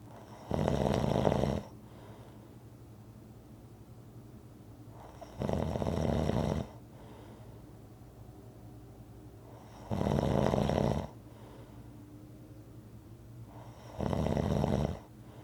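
Four long, rough rattling snores, one every four to five seconds, with quiet gaps between; steady rhythmic snoring.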